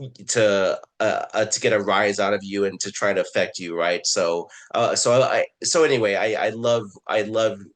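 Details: Adult man who identifies as a person who stutters, with word and phrase repetitions and filler words; stuttering.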